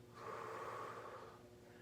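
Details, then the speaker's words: Deep breathing exercise taught to a patient: breathe in, hold three seconds, then a single long audible exhalation, to clear the lungs, before post-surgical coughing practice: deep breathing exercise exhalation. "now it's important to be doing your breathing exercises reason being it clearly clears your lungs"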